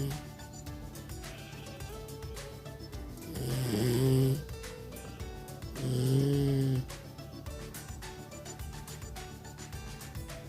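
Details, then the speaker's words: Two loud, rattling snores from a sleeping dog named Shepherd, about 14 years old, recorded with the microphone moved close, over background music. "可是睡觉打呼不一样啊，录得到哦，所以我们就一起来听听看睡觉打呼有多大声那种。"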